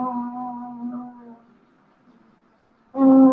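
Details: Female singer with left vocal cord paralysis, formerly very breathy and unable to sing, four months after thyroplasty medialization with fat injection and reinnervation; voice tone much improved after treatment.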